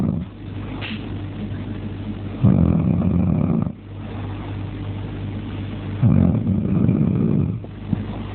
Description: my partner snoring he he